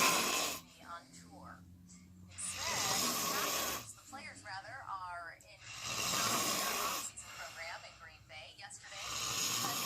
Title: Caught my brother slipping snoring his butt off